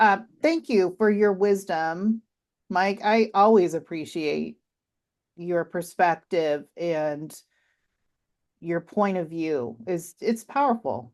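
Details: Adult woman speaking; normal speech.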